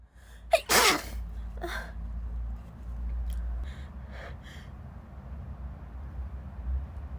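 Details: A sneezing fit in a corridor, possibly female: two sharp explosive sneezes close together, then quieter breathy bursts, against steady corridor rumble; sneezing.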